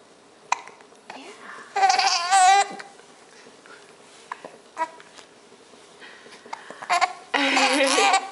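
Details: Infant's hiccups: brief sharp hiccup catches among babbling and squeals, with adult voices nearby.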